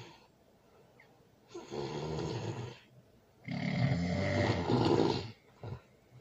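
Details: Loud snoring during sleep, with a baby nearby: two long, loud, rough rattling breaths separated by quiet pauses.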